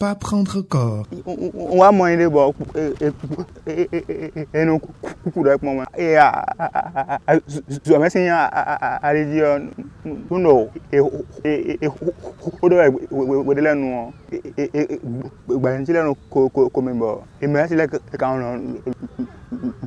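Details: 20-year-old man who has stuttered since age 7, with the stutter progressively affecting his life; stuttering.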